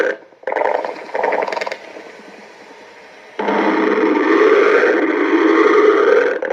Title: stomach growling